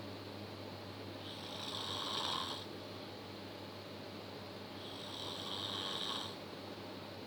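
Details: Two long, rough, rattling snores during inhaling, each over a second, over a steady low room hum; powerful snoring.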